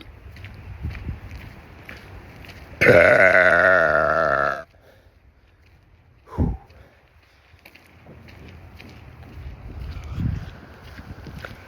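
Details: Adult man walking on an outdoor trail: a long, loud, rumbling belch lasting nearly two seconds, followed by a brief grunt, with wind noise behind; burping.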